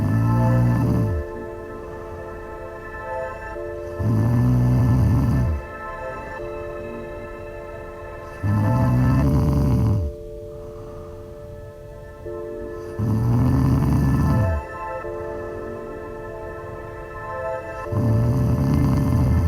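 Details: Loud, regular low snores about 13 a minute, set against a sustained musical drone; snoring.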